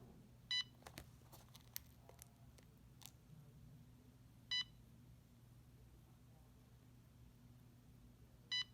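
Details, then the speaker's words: Three short electronic beeps about four seconds apart in a quiet room as a CADD Prizm infusion pump steps through its settings at start-up, before the green running light blinks, during a nurse's demonstration of home TPN infusion. "now my pump is running and if we look at the top it tells me it's running and I have the green light blinking"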